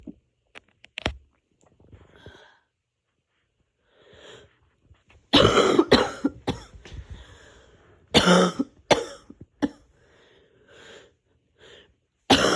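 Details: About eight harsh, forceful coughs in clusters, with throat clearing and quiet breaths between; a painful coughing fit during a cold.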